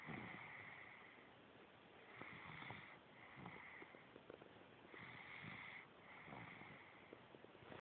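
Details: Infant snoring: soft, rhythmic noisy breaths with a faint rattling, snorty quality, repeating steadily in a quiet room.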